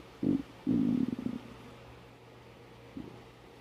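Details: Low gurgling rumbles in short bursts, one longer rolling growl, then a faint final gurgle over a steady hum, from a person who has not eaten since morning; hunger-related stomach growling (borborygmi).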